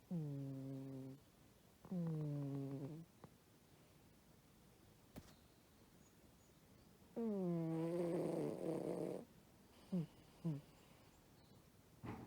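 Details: Sleeping pet cat snoring, faint at first then loud: tonal, whistling snores on breaths, some rough and fluttery, with short snorts between; snoring.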